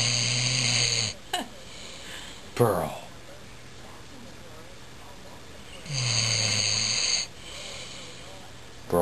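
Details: Loud, rough, rumbling snore-like breathing noises with quiet gaps, from a dog: snoring.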